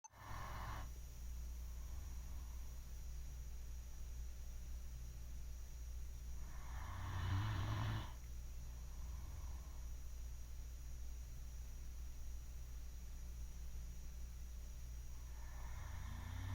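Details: Sleeping Great Dane: steady low rumbling breath noise with a louder, harsher snore about every eight seconds over a constant background hum; dog snoring.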